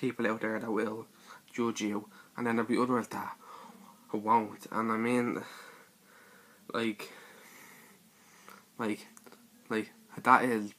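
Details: Male speaker describing his own stutter (stammer); this stretch has repeated words and pauses; stuttering.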